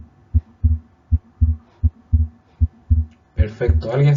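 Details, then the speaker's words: Patient with right bundle branch block, mild fatigue, normal vitals, pulses and apex beat: regular heart sounds near 78/min, faint barely perceptible systolic murmur, fixed splitting of second heart sound, consistent with atrial septal defect. "y lo que escuchamos es hay un pequeño soplo sistólico que es bastante poco perceptible pero lo que destaca es un desdoblamiento fijo del segundo ruido"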